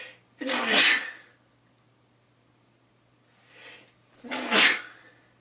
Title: Sneeze21